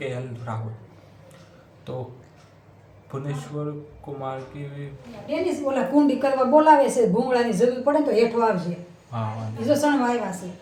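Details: Male self-identified person who stammers, doing spontaneous storytelling practice in Hindi as part of daily home fluency training; stuttering.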